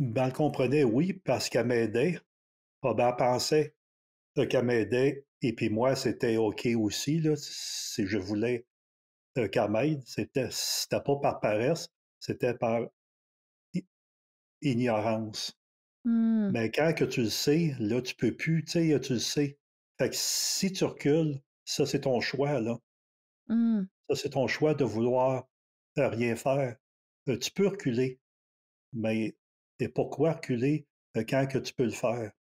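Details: Adult man in his thirties who stutters; stuttering.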